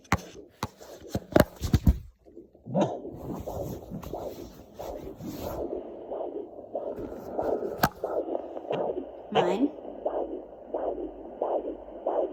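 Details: Mother's own pulse on a home fetal Doppler at 12 weeks 5 days of pregnancy: slow, regular whooshing beats, slower than the fetal heartbeat, which was found more toward the middle.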